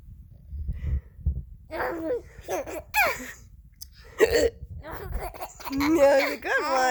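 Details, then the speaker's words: An adult's hiccups, a few abrupt catching hiccup sounds, while an infant laughs and babbles alongside; hiccups. "I can't help the hiccups. They just come out. They're a pretty funny one too, huh?"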